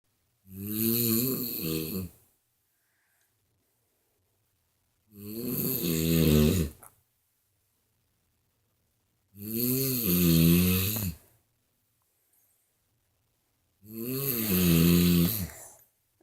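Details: Mother snoring during sleep: four loud, rattling snores with silent gaps between, about 14 breaths a minute, regular snoring.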